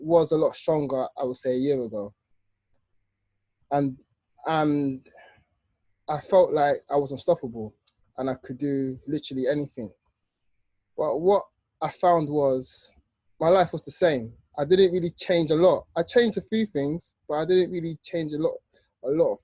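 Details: Adult man who stutters, hosting a podcast run by people who stutter; stuttering.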